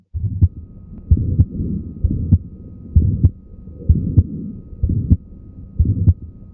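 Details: Regular heartbeat near 65 a minute with a sharp extra click in mid-systole, as heard in Marfan syndrome with mitral valve prolapse; mid-systolic click.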